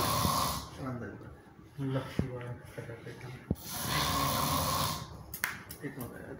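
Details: Person snoring: loud, irregular, rumbling snores with snorting, gurgling sounds on the breath, close to the recorder; heavy snoring.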